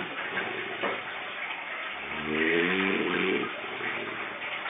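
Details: Amid steady hissing room noise, one low, buzzing, tonal breath sound lasting just over a second: a monkey snoring.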